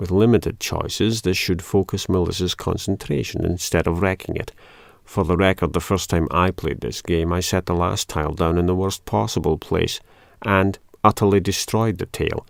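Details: Adult male speaker; normal speech.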